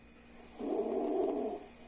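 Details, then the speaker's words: Stridor played during a stethoscope lung auscultation demonstration in respiratory physiotherapy: a single harsh, rasping breath sound lasting about a second, from a narrowed upper airway. "o próximo som é o estridor"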